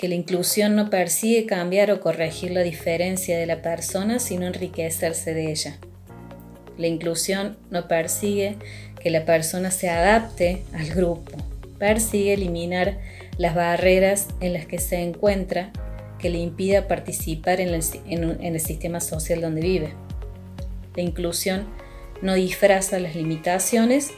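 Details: Adult speaker, Spanish, with background music; ordinary speech.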